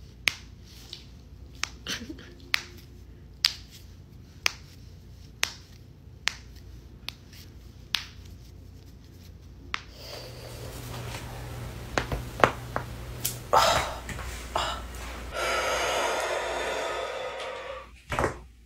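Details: Series of sharp, brief pops as a person cracks the finger joints of the hands one after another, after the fan is turned off; harmless joint cracking.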